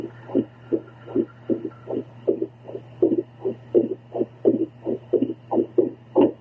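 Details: Adult female listening to her own heart with a home heartbeat Doppler during paced breathing: rapid whooshing pulses with uneven spacing over a low hum; heart slows slightly but mostly very irregular rhythm; irregular heartbeat.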